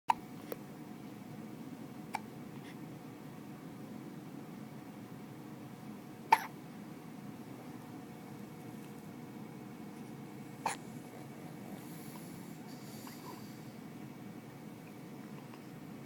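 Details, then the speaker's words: Baby boy with hiccups: brief, sharp hiccup clicks every few seconds over quiet room noise. "See, the hiccups are making me tired. My bad."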